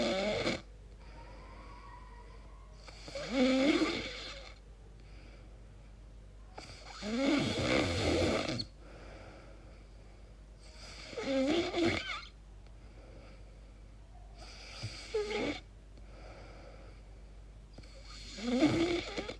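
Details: Person recording their own sleep, unsure whether it is snoring or sleep apnea: harsh, snorting snores with rising whistling tones, about every four seconds (roughly 16 a minute); loud, irregular snoring.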